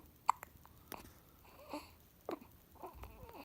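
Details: Hiccups in a 3-week-old baby, parents trying to scare them away: soft, sharp little catches at irregular intervals with faint fussing sounds in a quiet room.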